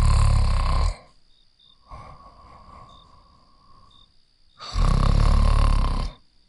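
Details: Ryuuko snoring on a sofa, said to be tired: loud, rough, deep snores on each breath with quieter whistling breaths between them, steady pattern.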